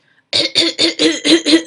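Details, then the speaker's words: Pediatrician imitating the paroxysmal coughing fit of whooping cough (pertussis), which follows one to two weeks of cold-like symptoms: six rapid coughs in one breath. "but after one or two weeks the characteristic coughing cough happens with the inspiratory"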